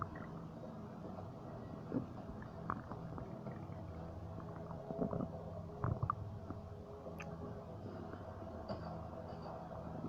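Low, drawn-out rumbling with scattered gurgles and brief bubbling bursts over quiet background hum; ordinary stomach and bowel noises (borborygmi).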